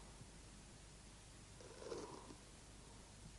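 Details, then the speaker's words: Lung auscultation with a small amount of fluid secretion in the alveoli: soft chest sound with a brief burst of fine crackling at the peak of inspiration as alveolar walls separate; crepitation. "если небольшое количество жидкого секрета появляется в альвеолах выслушивается крепитация она образуется при разливании стенок альвеол на высоте вдоха"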